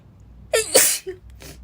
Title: Girl sneezing 17